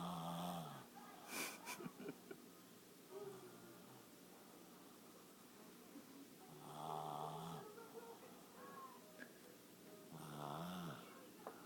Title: Eat, sleep, and snore